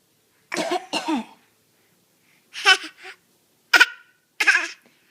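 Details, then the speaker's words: A child gives about five short, dry coughs in separate bursts in a quiet room; a small, light cough. "you have a cough? Oh my goodness."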